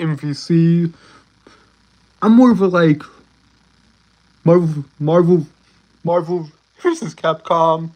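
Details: Stuttering in a male streamer who self-reports a speech impediment and stuttering; this stretch has repeated words and fillers; stuttering.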